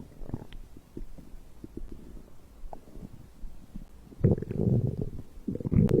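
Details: Bowel sounds after drinking a beverage: low gurgling and rumbling from the belly, swelling into longer growls near the end; ordinary stomach growling of digestion.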